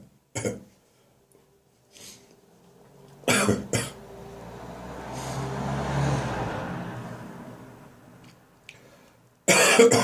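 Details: Adult's morning cough, now drier and less frequent: several short, dry cough bursts with a vehicle-like rumble swelling in between.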